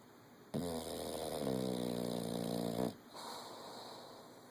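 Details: English Bulldog napping: a single long, buzzy, rattling snore on an in-breath over quiet room noise; snoring.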